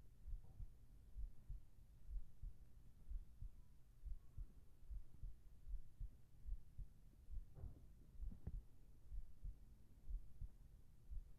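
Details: Steady, muffled lub-dub heartbeat at roughly 60 beats a minute over a low hum, with a whispered voice asking whether it is calming, in a sleep ASMR recording; regular rhythm, a normal heartbeat.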